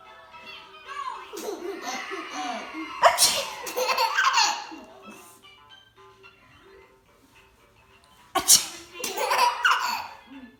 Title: Baby laughing when momma sneeze